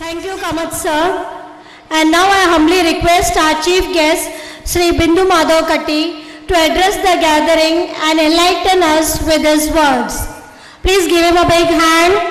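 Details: Adult woman speaking over a public address system; typical speech.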